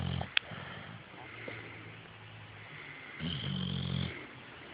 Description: Maya our pit bull snoring.